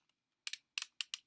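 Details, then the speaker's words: Several crisp, quick plastic clicks as an adult with diabetes dials an insulin pen up to roughly 34 units for tonight's injection; insulin pen dose dialing clicks. "so I'm gonna dial in I don't know this is how I die on my insulin"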